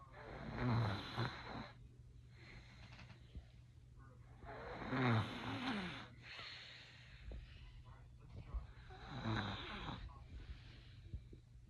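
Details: 3-year-old boy napping in bed in the late afternoon; soft, regular snores about 14 breaths a minute with a steady low background hum: snoring.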